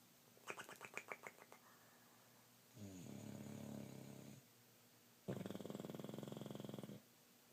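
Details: Snoring in bed: rattling, fluttering snores, each lasting one to two seconds, with quiet pauses between breaths.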